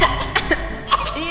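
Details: A few short, dry coughs from an adult during a live-streamed game, over light background music.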